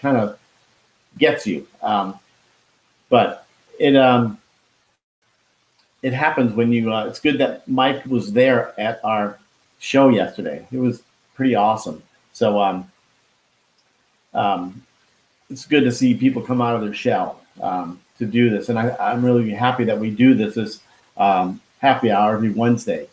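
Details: Man who had a heart attack and stroke at age 49 and could not talk at first; he still loses words and says he was told it is expressive aphasia; finding: expressive aphasia.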